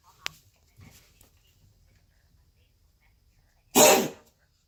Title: Cozy coughing